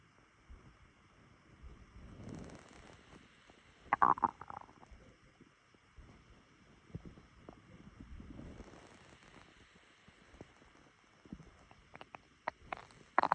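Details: Quiet gurgles and low squelching rumbles from the abdomen in a quiet room, recorded by phone just after waking on an empty stomach: ordinary stomach rumbling (borborygmi).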